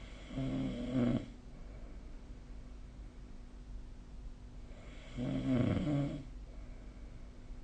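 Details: Sleep snoring recorded with the SnoreLab app: two loud, rumbling snores on the in-breath, about 4–5 seconds apart, with quiet breathing between.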